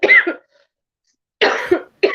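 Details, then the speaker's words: Two harsh, dry cough bursts from an adult, with the start of a third and no wet rattle; the cough feels stuck in the throat, persists when lying down at night, and is worst in the mornings. "yeah that sounds like a nasty cough you got me yeah it's like it's stuck right here and then at night once I lay down it won't go away like my throat hurts and everything it's almost like a dry cough"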